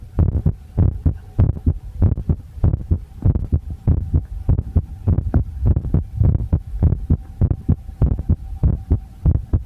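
Regular low thumps at about 98 beats a minute with a steady hum behind them; a heartbeat.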